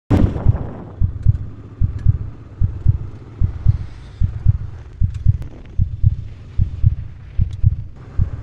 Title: Heartbeat